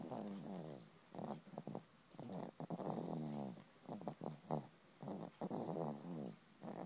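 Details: Young animal, exactly four months old, sleeping: soft, rhythmic snuffling, vibrating snores with each breath, about 20 a minute; light snoring.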